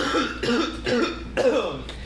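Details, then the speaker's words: A man gives a short run of about four voiced, throaty coughs that blend into throat clearing. "you [ __ ] stop coughing? Jesus."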